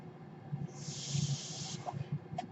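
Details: Breath cycle of the speaker's own home mechanical ventilator, heard in the background while the speaker talks.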